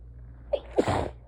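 A short intake of breath followed by a single forceful adult sneeze.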